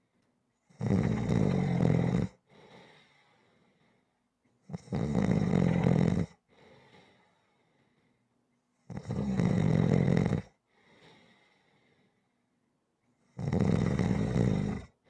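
Loud, harsh snores on each in-breath with a soft out-breath between, about 16 per minute, very regular; snoring.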